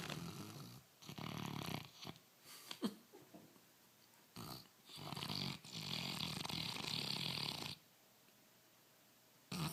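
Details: Dog (tagged Bernese / Labrador) snoring: loud, rough, rattling snores with long noisy breaths and brief pauses, in a small room.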